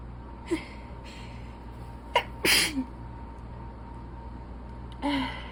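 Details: Repeated sharp sneezes with catching breaths over a steady background hum, while reading aloud during an allergy attack after blowing the nose; sneezing from allergic rhinitis.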